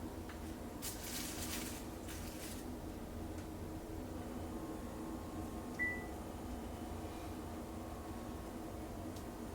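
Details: Steady low motor hum of the cuff pump with one short beep as an Omron 10 Series BP7450 upper-arm automatic blood pressure monitor takes an adult's own reading, which came out at 135/87, flagged high.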